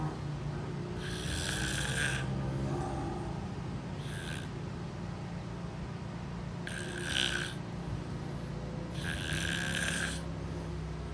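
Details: Rhythmic snoring: four rasping bursts over about eleven seconds, roughly one every two to three seconds, over steady low room hum.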